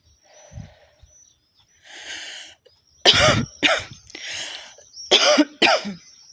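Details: Woman coughing repeatedly while smoking a cigarette: breathy exhalations, then a run of about five harsh, dry cough bursts in quick succession; a smoker's cough.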